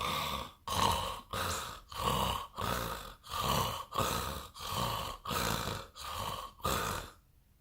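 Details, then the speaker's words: Human imitation of stertor from an elongated soft palate covering the epiglottis and larynx, as in brachycephalic dogs and cats: rhythmic, low snoring-like snorts, about ten in a row, with vibration felt in the chest. "of noise as a result that's my soft palate I kind of pushed it back and I've put it over over the back of the M over the epiglottis and over my larynx"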